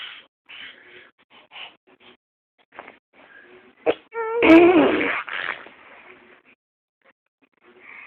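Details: Voluntary fake cough from a 6-month-old infant trying to stay awake: a short voiced sound, then one harsh, forced cough-like burst; not illness.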